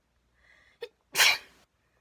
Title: Induced sneezes ;)